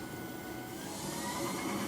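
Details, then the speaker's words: Steady whirring, buzzing machine hum: a high-frequency chest wall oscillation vest with air tubes running for airway clearance in cystic fibrosis. Its time, speed and pressure are set, with 10 minutes on low speed, then 10 on high. "you just snap the buckles then you turn it on and these tubes blow air out of them you put them in the little hole and the vest in plates"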